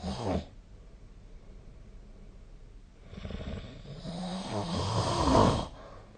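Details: Snoring during sleep recorded with the SnoreLab snoring app on 2025/05/13; sleep snoring sounds.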